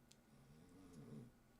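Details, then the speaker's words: A sleeping pet snoring softly: a low rumbling light snore in a quiet room. "Oh, you can't see Peach right now, but she's down here giving a little snores. Can you hear that?"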